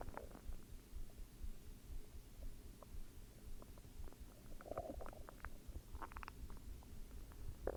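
Low gurgling and rumbling with scattered bubbly squeaks from the belly: ordinary stomach growling, normal bowel sounds.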